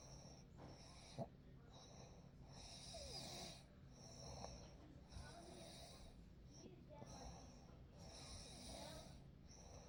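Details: Real night recording: soft, rough breathing noises rising and falling every few seconds under steady room hiss; gentle snoring.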